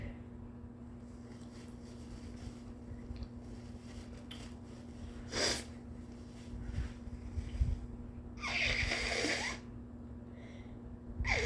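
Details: Induced sneezes in an exhausted person with a sore throat, headache and stuffy nose who suspects they may be getting sick: sniffs and breathy inhalations over room hum, then a short sneeze and a longer, fuller sneeze.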